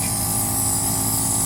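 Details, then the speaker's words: Nebulizer compressor running during a cat's nebulizer treatment: steady mechanical hum with hiss as mist flows from the tubing and cup. "the tube goes to the actual of nebulizer which is plugged in here and I'm going to turn it on it's plugged in"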